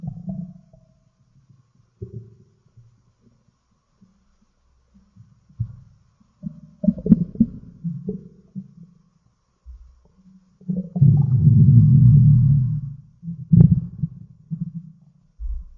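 Low gurgling rumbles come and go, with one long rolling growl near the end: ordinary stomach growling from gas and fluid moving through the gut.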